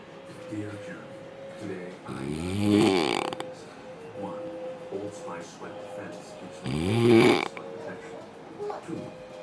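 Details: Sleeping adult man passed out after heavy alcohol drinking; partner suspects sleep apnea with brief breathing pauses. Two loud, harsh, rattling snores about five seconds apart, quieter breathing between; heavy snoring.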